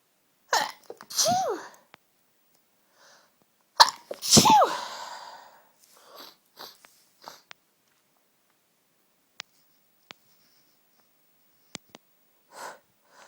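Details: Strong, tickly sneezes from a cold, all in one fit: two loud sneezes, each with a sharp inward breath before it, then quieter sniffs and clicks; a sneezing fit.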